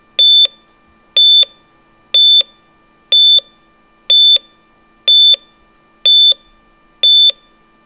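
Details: Hospital heart monitor sound effect (artificial, not a real patient): steady high-pitched beep at a regular rhythm of about 61 per minute.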